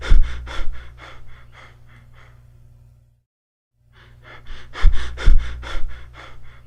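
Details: A nursing-assistant teaching demonstration plays Cheyne-Stokes respiration: quick, noisy breaths fade into a brief pause, then build to loud gasps and taper off again.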